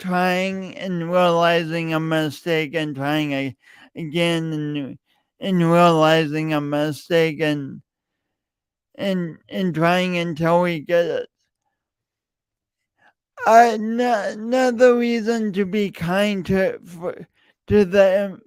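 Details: Real, self-reported speech impediment in an adult male, present for years and heard whenever he speaks; speech impediment with disfluency.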